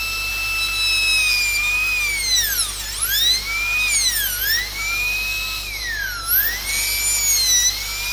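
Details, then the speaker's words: Dental drill whining, dipping each time the bur bears on tooth while cutting a 45-degree occlusal margin bevel for knife-edged inlay adaptation, in an inlay cavity preparation. "So keep the burr at 45 degrees to the occlusal surface and just give a bevel all over the occlusal margins. This is done so that the adaptation of the inlay is knife edged or properly burnished to the tooth surface."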